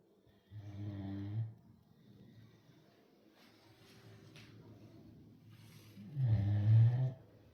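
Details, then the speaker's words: Sleeping Great Dane snoring: two deep, rumbling snores separated by a quiet out-breath; ordinary dog snoring. "That's not George snoring. It's Ludendorff."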